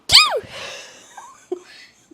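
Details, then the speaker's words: Adult gives one sharp, high-pitched sneeze with a squeaky voiced rise and fall and breathy trailing exhale; a real sneeze they were trying to suppress. "no did you do that on purpose that was like that was a real sneeze I was trying not to sneeze and that's what happened"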